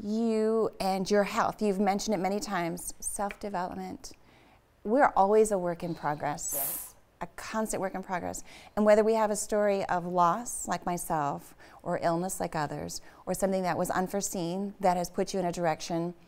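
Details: Adult woman speaking; ordinary speech.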